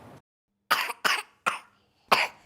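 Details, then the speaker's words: Four short, forceful coughs in quick succession after a brief pause, with no whooping intake of breath, heard in a news report on a pertussis (whooping cough) surge. "Welcome back, whooping cough infections are surging and the CDC is reporting that Pennsylvania has the highest number of cases across the nation."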